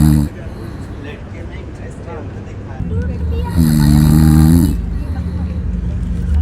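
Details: Sleeping cat snoring loudly with rattling, buzzing, vibrating breaths; ordinary snoring.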